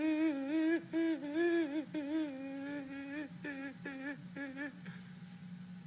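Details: Patient with adductor spasmodic dysphonia phonating during stroboscopy, at times phonating on inspiration; adductor spasmodic dysphonia.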